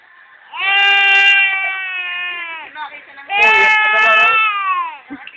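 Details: An infant who has just woken up cries in two long, high-pitched wails separated by a quick catch of breath.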